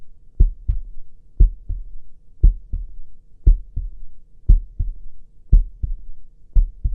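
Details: Steady paired lub-dub heart sounds at about 58 beats a minute, regular rhythm, played during a Cantonese ASMR sleep-clinic roleplay; heartbeat.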